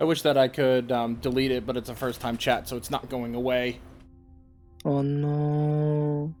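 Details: Adult male speaker; normal speech.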